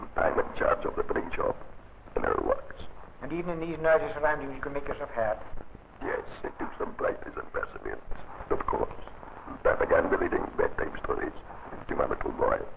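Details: Man whose larynx has been removed, trained in esophageal speech; esophageal speech after laryngectomy.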